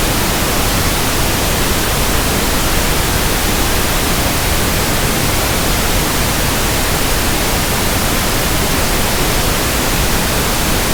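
Steady, even static hiss with a soft, deep tone; pink noise used to match the sound of persistent background tinnitus.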